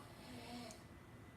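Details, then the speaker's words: Snoring heard in the background behind a man speaking. "yeah yeah that is snoring in the butt in the background in front ho enthusiast that's the sound of not being able to afford your own apartment"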